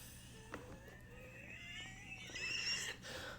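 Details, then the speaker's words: Mild expiratory wheeze in an adult man still wheezing from a deep lung infection: a forced, squeezed exhalation, tightening the lungs as hard as possible, carries faint, wavering whistling tones; this manoeuvre used to make him cough. "You can hear still just a little bit of wheeze, but what it does is it causes all those little bags of air to constrict, and if there's any inflammation, what it will do is it'll cause a cough response."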